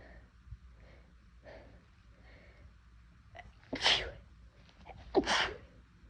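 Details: Person who says they rarely sneeze but whose nose felt more sensitive that day deliberately induces sneezing: soft sniffs and breaths building up, then two forceful sneezes a little over a second apart.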